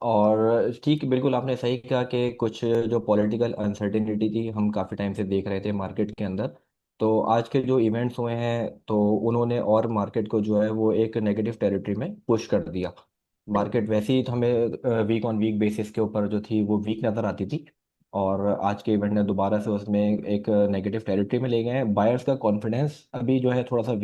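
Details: Adult male speaker; normal voice.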